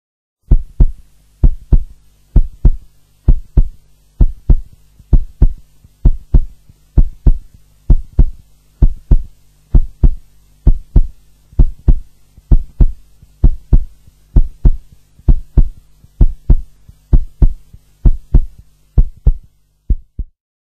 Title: heart beat.WMV